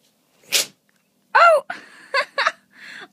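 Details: One short, hissing sneeze from a dog on a couch while being offered treats, followed by a person's voice and brief whimpering.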